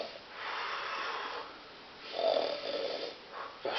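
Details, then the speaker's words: Simulated snoring in a sketch, where one character's snoring keeps another from sleeping; slow, breathy, rasping snores with quiet gaps, in a small room. "die ist ja super laut das ist ja bestimmt Weltrekord ja das finde ich auch aber das ist schön ich kann nicht so gut schlafen"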